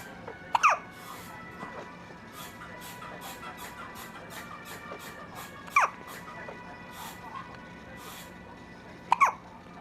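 Three short, abrupt hiccup sounds about every three to four seconds over background music.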